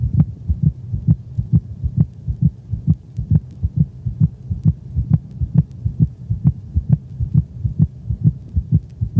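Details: Dog with heartworms, stethoscope over the pulmonic valve region of the cranial left thorax: regular heartbeat near 130/min with a split second heart sound ("lub-drop") from delayed pulmonic valve closure.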